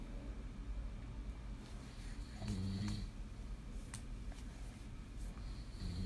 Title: Disrespectful child & daddy’s snoring 1/12/2019